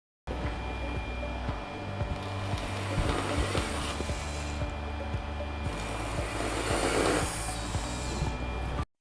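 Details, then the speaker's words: Guided dental implant surgery with Bio3 Guide Surgical Kit, preparing a lateral site for a 4.2 x 10 mm implant, shortest 4.2 mm drill: steady low motor whine with intermittent pulsing, background music. "moving to the lateral area we are going to install an implant 4.2x 10 we proceed with the shortest 4.2 and length of"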